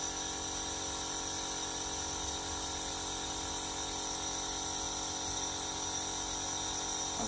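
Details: Beurer IH 21 compressor nebulizer with an adult face mask, switched on with water in the medicine cup: a steady mechanical hum with a hissing, buzzing whine throughout.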